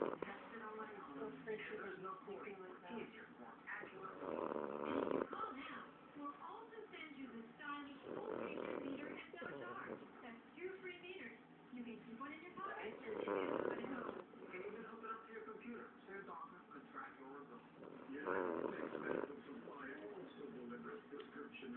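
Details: Person snoring while asleep with eyes open: repeated rough, rattling snores with faint speech-like sounds between them.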